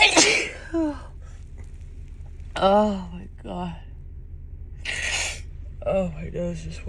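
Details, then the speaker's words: Female with dust allergy sneezing repeatedly in a car on a February morning, nose tickling: several sneezes with gasping in-breaths and voiced exclamations over steady car noise. "I just want to sneeze oh my God I just can't stop sneezing this morning my nose just tickles so badly excuse me"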